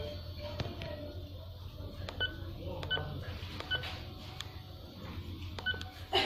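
Short, sharp electronic beeps at irregular intervals over a low room hum as keys are pressed while an infusion pump is programmed.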